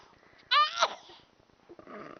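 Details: A single sharp voiced sneeze, followed by quiet breathing and faint room sounds.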